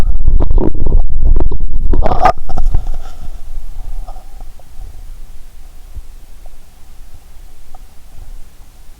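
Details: Stethoscope recording of the belly while lying down, after drinking cola and swallowing Mentos: loud bubbling, gurgling rumbles for about three seconds, fading to quiet scattered clicks over a faint hum; active bowel sounds.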